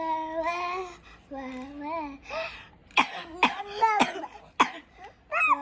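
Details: Children singing in high voices, interrupted by several short, sharp cough bursts from one child.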